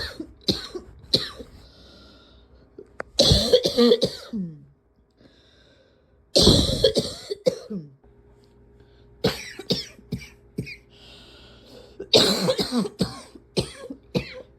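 Repeated harsh cough bursts come in clusters, with long noisy inhalations between them during a sustained coughing fit.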